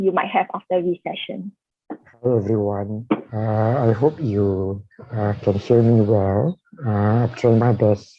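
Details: Dysarthria in a man with amyotrophic lateral sclerosis, diagnosed in 2018, with a tracheostomy placed in late September of the previous year.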